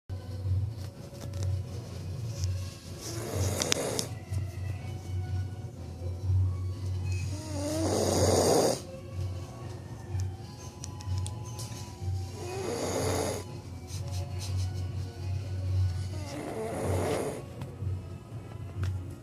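Four loud, rasping snores, about one every 4–5 seconds, over steady low room hum; ordinary snoring.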